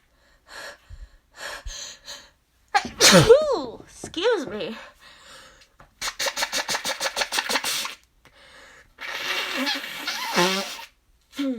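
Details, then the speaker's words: Repeated allergy sneezing: two loud sneezes with exaggerated drawn-out vocal build-ups, then a rapid stuttering burst and nose-blowing; the person says each nose-blow triggers another sneeze. "oh my gosh sneezing is out of control today oh gosh oh still got more it's ugh i have to sneeze huh"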